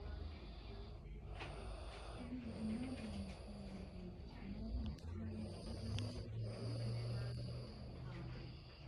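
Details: Loud snoring from a hard-sleeping animal: low, uneven snoring and snorting breaths over steady room noise with faint background talk.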